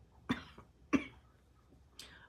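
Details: Adult who woke with a sore throat, headache and tiredness, worried about Covid again, gives two short, sharp coughs then a softer third in a quiet room.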